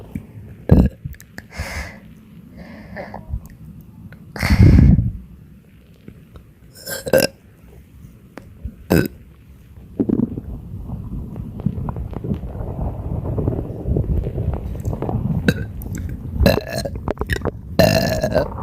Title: Badly bloated non-stop burps for 6 minutes 💓💓💓